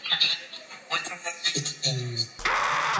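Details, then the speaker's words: Cochlear implant hearing simulation from the film Sound of Metal, after a metal drummer's sudden hearing loss and implant surgery: tinny, warbling, distorted speech-like sounds and distortions, then a hissing rush. "llegamos a escuchar el mundo tal y como lo entienden quienes tienen colocado el implante coclear que permite eludir el trabajo del oído y así recuperar la audición"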